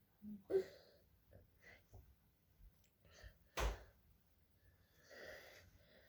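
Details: A child with acute laryngitis (croup): noisy, harsh breaths with a high, squeaky crowing note, typical of stridor.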